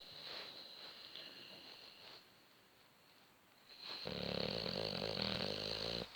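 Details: Sleeping Boxer dog, half covered, snoring: soft rattling breaths growing into a louder buzzing snore with a whistling edge.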